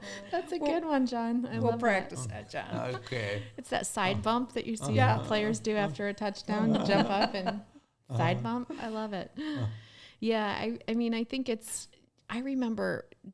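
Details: Adult speakers in conversation; ordinary conversational speech.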